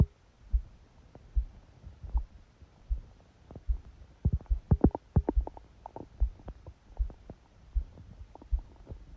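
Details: Sleeping adult recorded with a phone held on the abdomen by a book; the pressure possibly made the heartbeat sound loud and fast. Steady, regular low heart thumps about 80 a minute with scattered gurgling bowel sounds.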